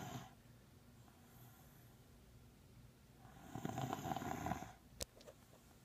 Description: My female beagle snoring